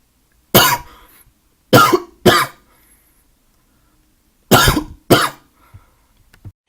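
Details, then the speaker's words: Five loud, harsh coughs in irregular bursts with quiet breathing between, from a person with a real cough and no fever; cough. "I'm badly coughing right now in real life I don't have a fever or anything it's just a cough"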